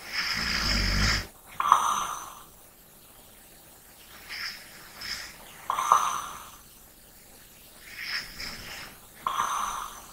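Regular rough, rattling snores on each breath, about 16 a minute, with softer breathing between them.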